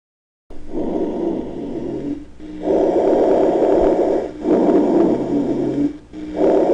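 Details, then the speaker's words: Teaching stethoscope recording of sonorous rhonchi, heard across the chest in both breath phases but mainly on inspiration: low, coarse snoring sounds with each breath. "se escuchan en todas las regiones del tórax son movibles y cambiantes escuchen los dos tiempos de la respiración aunque fundamentalmente en la inspiración"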